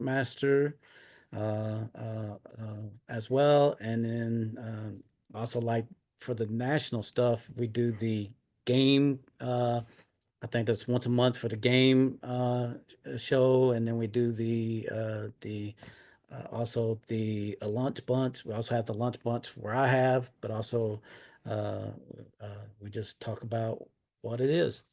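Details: Adult man with aphasia due to a stroke in 2016, almost nine years earlier.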